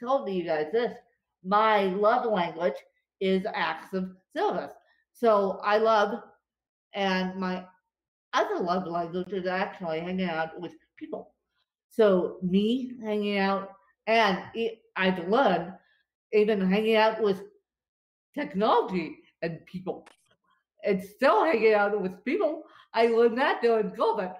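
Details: Dysarthria in an adult woman with cerebral palsy affecting her limbs and brain; she describes speech as tongue-tied following a bad spasm day.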